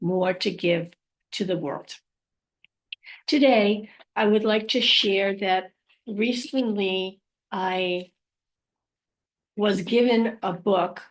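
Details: Adult living with aphasia, apraxia of speech and dysarthria, with word-finding difficulty; aphasia.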